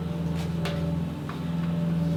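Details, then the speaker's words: Steady low motor hum of a suction unit with brief slurping as sterile saline is drawn up to check it works before tracheostomy suctioning, in a nursing trach-care and suctioning competency demonstration. "check the equipment for proper functioning by suctioning a small amount of sterile solution from the container which only has saline in it"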